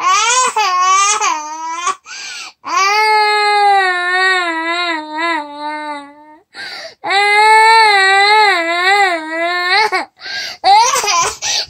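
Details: Korean 2-year-old (28 months) refusing to go to sleep at bedtime cries loudly in long wailing bursts with brief gasping breaths between, in a small room: toddler crying.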